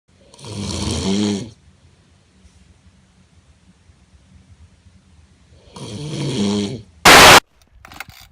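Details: Extreme heavy snoring: two loud, harsh, vibrating snores separated by quiet, then a sharp burst of noise.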